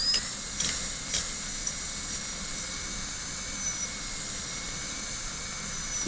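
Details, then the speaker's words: High-speed dental handpiece whine with hiss and brief contact bursts, cutting the proximal box of a Class II preparation on a manikin (simulated patient): drawing the bur along the facial wall, then the lingual, away from the adjacent tooth. "actually draw a hole at the facial wall cut away from the facial side do the same thing on the lingal"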